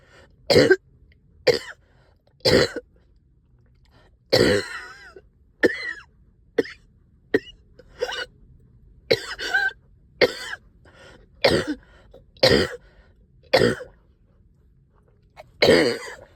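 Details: Productive cough, up coughing all night with stubborn sticky phlegm, heavy chest and headache: about fourteen harsh, wet coughs and throat clearings over sixteen seconds.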